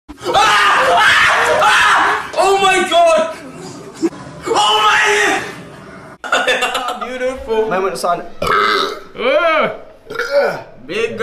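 Long, loud, rumbling voiced belches, several in a row, with brief talk between them.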